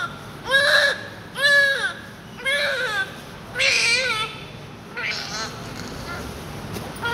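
A newborn cries in about five short, rising and falling wails over seven seconds, with faint room noise. This is an ordinary newborn cry.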